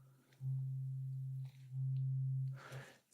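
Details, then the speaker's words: Simulated role-play cranial nerve exam hearing test: two steady low pure hums of a struck tuning fork moved around the ear while the listener is asked to point to the sound's direction. "And I want you to tell me if you hear the sound, if you hear the vibration. And if you do, just point with your finger the direction of the sound."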